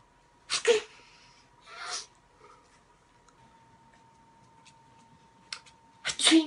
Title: Different Sneezes🤧😷🤤